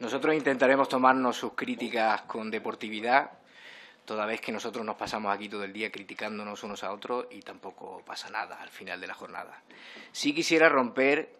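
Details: Adult male speaker; typical speech.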